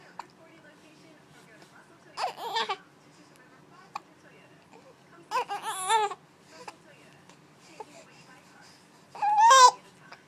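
Three brief, fussy infant cries separated by quiet pauses in a small room; an ordinary cry.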